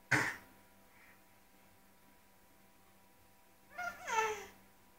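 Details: Hiccups: one abrupt, sharp hiccup burst in a quiet room, with a brief voiced sound a few seconds later.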